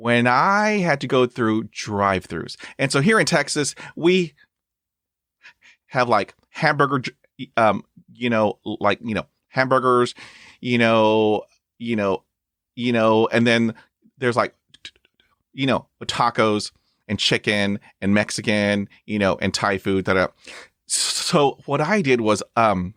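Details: Adult man who stutters and reports still blocking and repeating; stuttering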